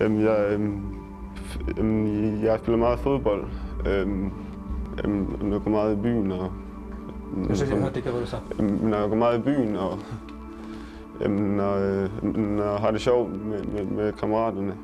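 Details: Young Danish man starting the McGuire stuttering treatment course, introducing himself at first interview; audible word repetitions; stuttering.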